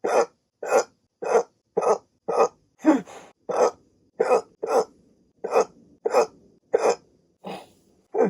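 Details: Adult waking from sleep with a CPAP mask, a rare bout: repeated short, abrupt 'hic' sounds, about fourteen in eight seconds, roughly 100 a minute, somewhat irregular: a run of hiccups.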